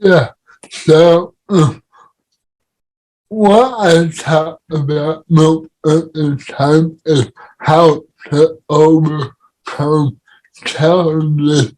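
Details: Dysarthria in a man with cerebral palsy, speaking in a podcast conversation about living with CP.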